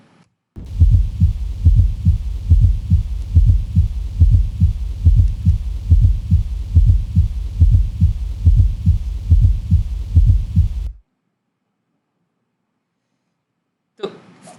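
Regular low heart sounds at about 71 a minute, each beat with a soft extra sound after the second, giving a three-part galloping rhythm: an S3 gallop.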